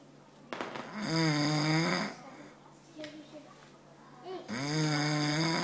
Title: *MUST WATCH* dad snoring! Really funny!